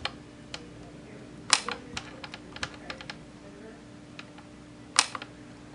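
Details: YAG laser vitreolysis of a C-shaped Weiss ring eye floater: scattered sharp, snappy clicks over room hum, some louder than others, exaggerated because the microphone sits right next to the laser.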